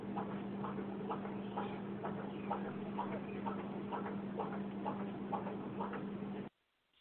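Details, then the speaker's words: Rapid, regular soft thumps over a steady electrical hum: heartbeat of a 12-year-old child who received the donor heart of Remonda, about 128 beats a minute. "That sound that you just heard is Remonda's actual heartbeat that is now in the body of the 12-year-old child."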